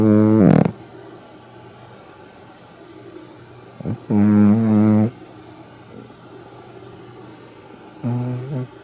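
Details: Sleeping Shih Tzu dog snoring loudly; tonal snores recur about every four seconds, roughly 14 breaths a minute, with quiet gaps between.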